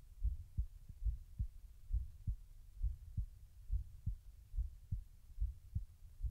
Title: Trying to slow down my heartrate